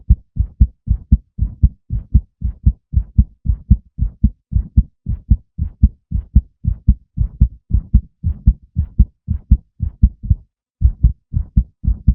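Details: Male heartbeat: regular low double thumps at about 58 beats a minute, clear and steady; a normal heartbeat.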